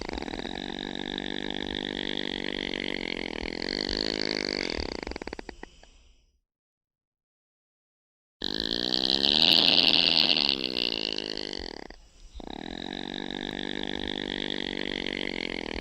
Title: Opossum sounds | How does an opossum snore